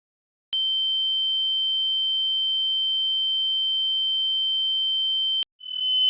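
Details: Simulated tonal tinnitus from a sound test: a steady, high-pitched pure tone ringing for about five seconds.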